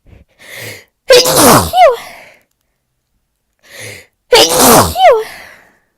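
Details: Adult with bad spring seasonal allergies and a running nose; two forceful sneezes, each with a sharp inhaled build-up and an explosive release.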